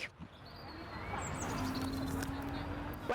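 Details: Vocal tic mid-sentence in a young adult male student with Tourette syndrome, diagnosed in his second university year after childhood undiagnosed tics worsened during a stressful period.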